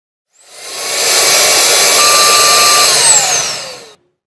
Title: USO DEL VACUUM DENTAL TERMOFORMADOR